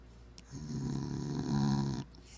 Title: Snoring Bull Terrier